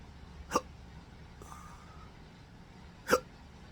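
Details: Persistent hiccups since December 2015, after surgery left nerve damage (pudendal, phrenic, vagus): two abrupt, short hiccups about 2.5 seconds apart over quiet room noise; intractable hiccups.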